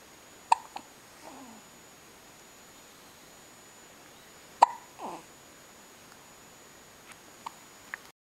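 Two sharp hiccups about four seconds apart, each followed by a soft voiced breath, over steady room hiss; hiccups.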